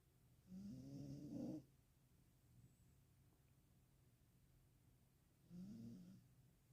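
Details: Sleeping dog giving two soft, low, snorting snores about five seconds apart, near 12 breaths a minute; snoring.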